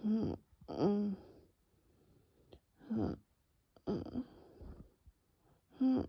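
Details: Laboured breaths with high musical whistling and squeaky tones, no coughing, during bronchial spasm in a very severe nocturnal asthma attack, bronchi later reopening with rescue medication; wheezing.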